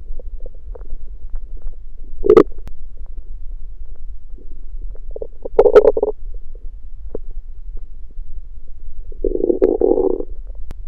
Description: This audio is a compilation of my stomach growling one night after fasting.